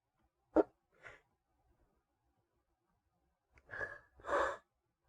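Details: Induced sneezing in a male, triggered via paper towel: a sharp sneeze, then a quieter one, and after a pause two more, each with a catching breath in.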